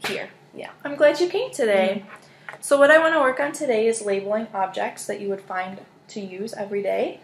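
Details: Adult woman speaking; normal speech.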